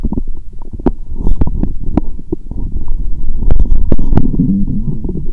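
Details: Person lying down after drinking a lot of lactobacillus drink; stethoscope over belly picks up loud, busy gurgling and bubbling with squeaky pops, very active bowel sounds from gas and fluid moving.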